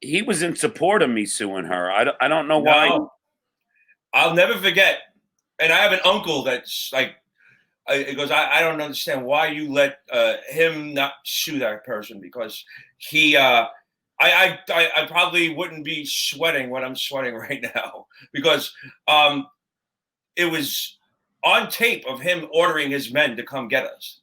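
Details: Stuttering in an adult man; part-word and word repetitions such as "i i i".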